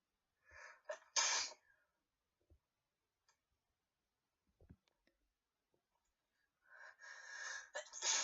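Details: Repeated sneezing bout: two sharp explosive sneezes, each with a quick intake before it, separated by several seconds of near silence with faint breathing; sneezing.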